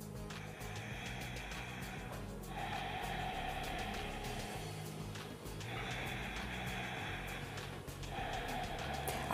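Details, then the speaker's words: Imitation of laryngeal ("anxious") breathing, heard at the throat on inhalation, exhalation or both: rough, slightly hissing noisy breathing: audible laryngeal breathing. "Eh je ho počuť, je ho počuť, či už v nádychu alebo vo výdychu alebo v oboch. A znie asi takto, že"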